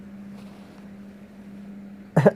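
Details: Single brief, sharp, explosive cough from an orphaned baby megabat (flying-fox fruit bat) in wildlife rehab, in a quiet room with a steady low hum.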